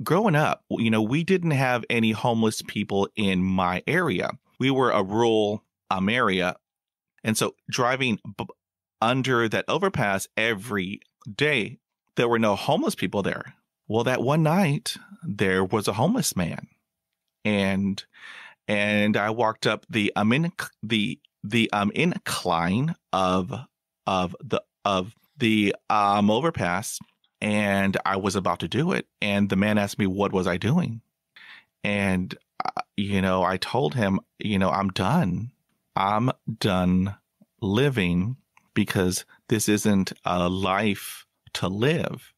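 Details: Adult man who is a person who stutters, told growing up that he was broken, and who still stutters; stuttering.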